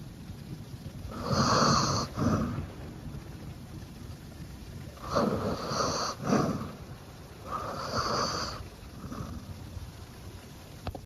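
Soft snuffling snores from a sleeping dog come in three breath cycles, each a nasal rasp with a whistling edge, about 16 breaths a minute.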